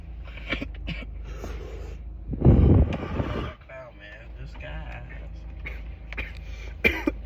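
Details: Cough after inhaling vapor from a vape: a loud, harsh cough-like burst, then smaller throaty sounds over low rumbling background noise; cough.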